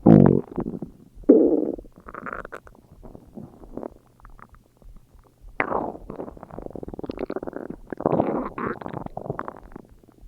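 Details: Irregular gurgling, rumbling bursts with squeaky bubbling runs and quiet gaps; ordinary stomach growling (borborygmi) from gas and fluid moving.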